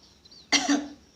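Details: Single short, harsh cough with a slightly rough, throaty tail, in a quiet indoor room; person says they are coughing.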